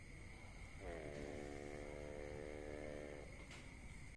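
One drawn-out buzzing snore lasting over two seconds, with steady background noise; ordinary snoring in a sleeping animal.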